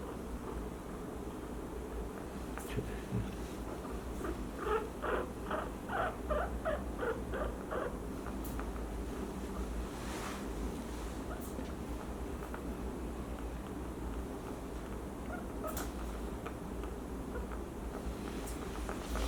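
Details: 2-year-old female guinea pig with noisy, panting breathing noticed the night before; loud lung sounds, fast heart rate, chest pain, no runny nose; owner suspects cold weather. Rapid, harsh, squeaky wheezing respiration at about 160 a minute.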